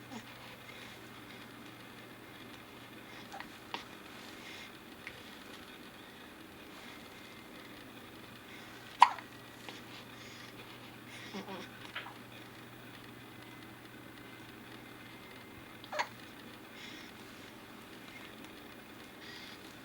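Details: Hiccups: several short, abrupt hiccup sounds spaced seconds apart over a soft room hum.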